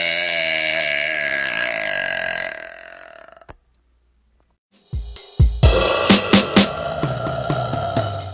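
A long, loud voiced burp, a pause, then several short burst-like sounds with music in the background; belching.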